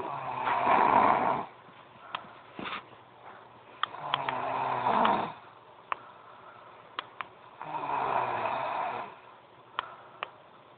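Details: Girl snoring loudly: repeated rough snores on each breath, about 16 a minute, with quiet clicks and room noise between.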